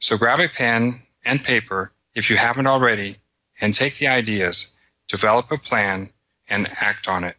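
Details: Adult speaker; Normal speech.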